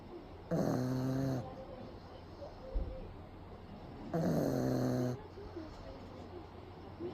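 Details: Pug napping with eyes rolled back, recorded close up: two loud, rattling snores about four seconds apart with quiet breathing between; snoring.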